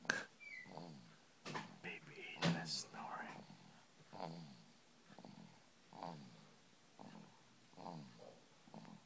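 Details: Soft rhythmic snoring, about one snore a second, with a few louder snorts near the start, in a quiet small room.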